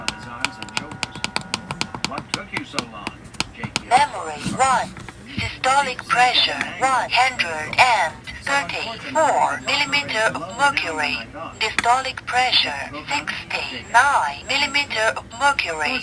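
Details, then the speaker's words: Lot Fancy talking wrist blood pressure monitor beeps, then a synthetic voice reads out: heart rate 105 beats per minute, blood pressure high normal, possible irregular heartbeat found. "Heart rate 105 beats per minute. According to WHO guidelines, your blood pressure is high normal. A possible irregular heartbeat was found."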